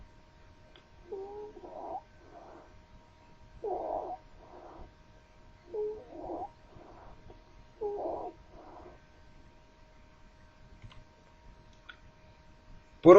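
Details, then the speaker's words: Musical, whistling expiratory wheezes recurring over four quick breaths, from lower airway obstruction as in bronchitis or bronchiolitis (unilateral suggests foreign body); wheezes. "pertenece al síndrome de obstrucción de la vía aérea inferior y lo vamos a encontrar entonces en bronquitis bronquiolitis y muy importante si es unilateral pensar siempre en cuerpo extraño escuchemos sibilancias"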